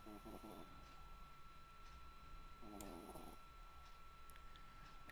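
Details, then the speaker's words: Sleeping pet dog snoring: faint, rough snoring, two snore sounds about three seconds apart over a steady room hum. "Can you hear my dog snoring?"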